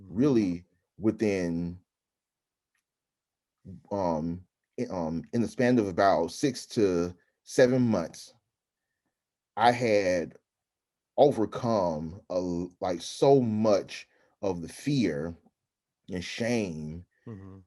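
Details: Adult man who stutters, with frequent interjections; stuttering.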